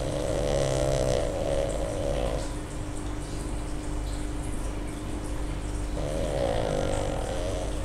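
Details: Tired, sleeping female Pug (small flat-faced dog) snoring: two rattling, fluttery snoring breaths with steady background noise between.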